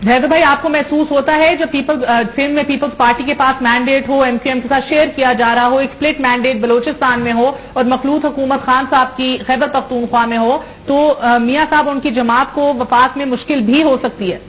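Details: Adult talk show host; normal voice.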